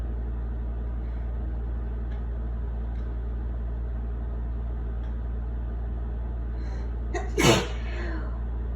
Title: Wet sneezes with breathy buildups